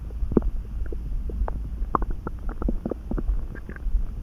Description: I felt it rumbling all of a sudden. I wasn’t really hungry nor was I too full, so I’m not sure why or how my stomach’s being so talkative today.